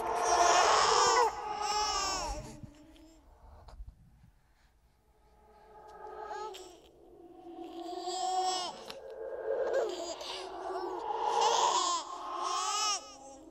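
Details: Simulated "ghost baby" horror sound effect: high-pitched wailing infant cries in bursts, separated by a short quiet gap; infant cry.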